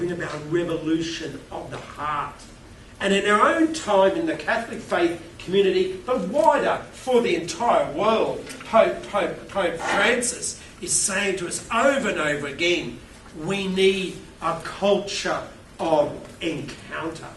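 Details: Stuttering with word repetitions in an adult male keynote speaker who states he has a stutter.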